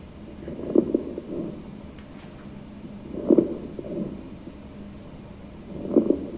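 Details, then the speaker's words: Crackles (rales) in a patient with very short inspiratory time: three quick breaths, about 23 per minute, each ending in soft bubbly crackling sounds at the end of inspiration. "you hear that kind of bubbly sound at the end of inspiration that's the RS so it's going to sound like a bubbly sound or a crackling sound"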